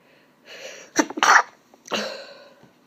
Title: Holdback sneezes (F)